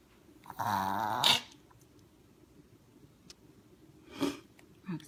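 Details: Female dog with a collapsed trachea; vet thinks this is reverse sneezing, owner doubts it. A long, goose-like honk ending in a harsh burst, then two softer snorting sounds: a honking cough episode.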